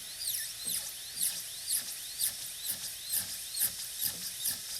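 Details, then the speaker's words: A high-speed dental drill cuts grooves toward a 1 mm shoulder on a maxillary typodont tooth for a PFM crown prep; its high-pitched whine rises and falls as the bur repeatedly touches the tooth. "And don't hold the burr too long against the tooth or it'll burn. It'll get too hot."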